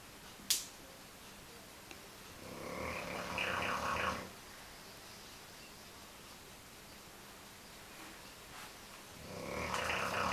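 Two long, rough, noisy breaths several seconds apart, with a quiet room between them: a dog snoring.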